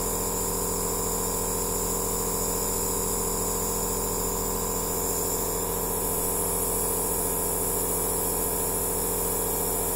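A steady mechanical hum and hiss with a fast, even pulsing throughout. An aerosol nebulizer machine running.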